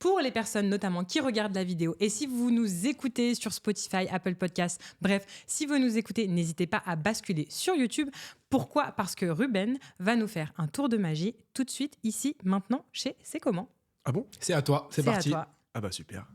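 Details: Adult woman speaking French; Normal fluent speech.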